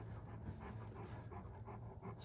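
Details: Male Great Pyrenees, born November 2014 and sensitive to heat, pants fast and heavily with rapid rhythmic breath bursts once a stove slightly warms the room: heat panting.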